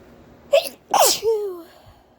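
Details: A short catching breath (pre-sneeze hitching), then one explosive sneeze trailing into a voiced sound; ordinary sneeze.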